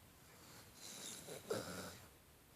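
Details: One noisy, rattling snore-like breath from a sleeping dog in a quiet room; the owner thinks he is dreaming; snoring.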